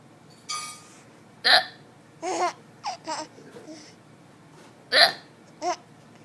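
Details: Hiccups while another person laughs at them: several brief, abrupt voiced gulps at irregular intervals, mixed with laughter.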